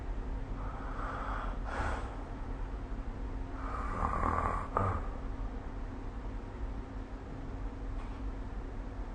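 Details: Two rough, rumbling snores on inhalation, the second ending in a snort, over a steady low room hum, recorded with the SnoreLab snoring app; snoring.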